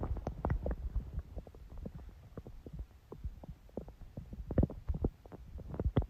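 Low irregular gurgles and bubbling rumbles that come and go: ordinary stomach growling, normal bowel sounds.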